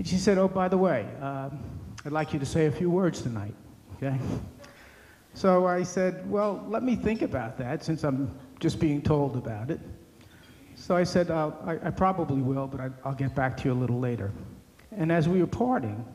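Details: Adult man speaking; normal speech.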